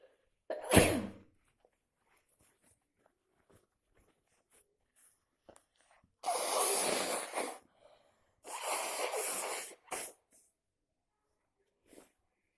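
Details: Repeated sneezing with a cold after a night in a cold pool: one sharp sneeze followed by quiet breaths, then two long, hissy, muffled sneezes.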